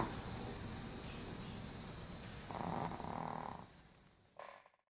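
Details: Rough snoring with a louder snort near the end from a sleeping Brussels Griffon dog napping; ordinary sleep snoring.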